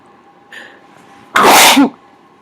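A short intake of breath, then one loud, muffled sneeze into a covering. Single covered sneeze.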